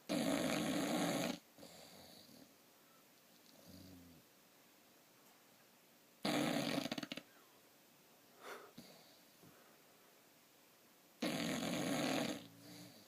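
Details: Snoring that keeps the person recording from sleeping well: loud, harsh, rattling snores about every five seconds, roughly eleven a minute, with softer breath noises between: heavy snoring.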